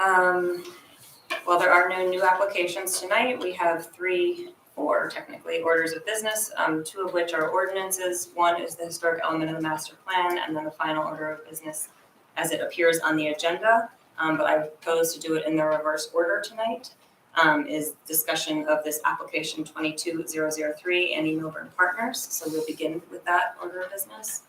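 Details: Adult speaker; Typical adult speech.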